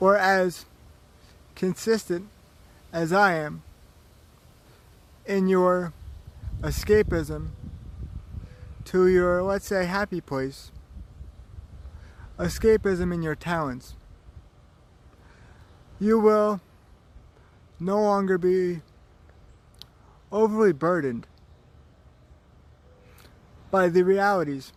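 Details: Man with cerebral palsy and chronic pain, with slow speech broken by long pauses between short phrases; dysarthric speech in cerebral palsy.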